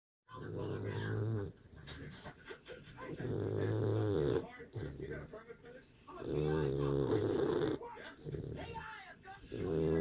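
Loud, rough snores from a sleeping puppy, each with a quieter snuffling breath between, about 20 a minute.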